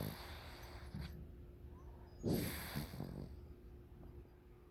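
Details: A sleeping male snoring: a single coarse, snorting snore on a breath in, then quiet breathing, in a quiet room.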